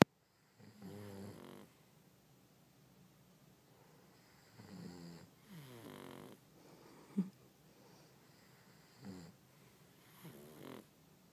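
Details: Pug snoring while asleep in bed: quiet, regular rattling snores on each breath, about six over eleven seconds, in a quiet room; snoring.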